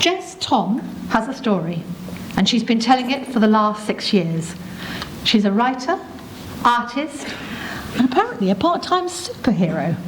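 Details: Adult woman speaking; Normal speech.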